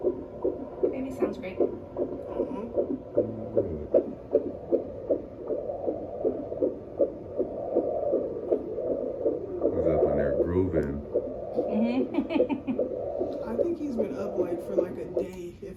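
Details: Fast, regular whooshing fetal heartbeat around 150 a minute on Doppler at a 39-week prenatal appointment, with bumps from baby moving, fluid good; normal fetal heartbeat.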